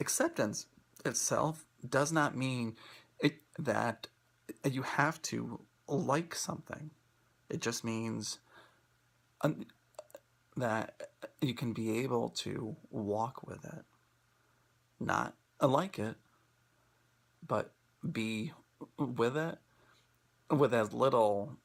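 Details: Adult who self-identifies as a person who stutters, presenting for International Stuttering Awareness Day 2016; stuttering.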